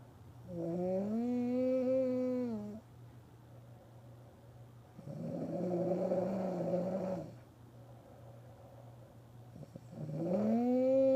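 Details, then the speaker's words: Adult woman (wife) snoring in sleep after a hard day's work: loud, drawn-out tonal snores with rising pitch, about 13 a minute, separated by quiet pauses; heavy snoring likened to a factory horn. "It sound like a it sound like lunchtime at the plant. That sound like lunchtime at the plant, man."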